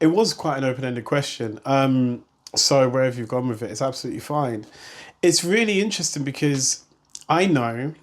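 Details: Adult male speaker; normal speech.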